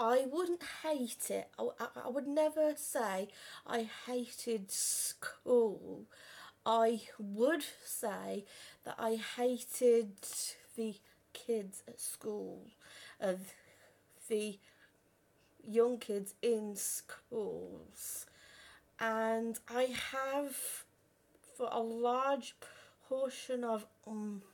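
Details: Adult woman who has stammered since about age five or six; stammering.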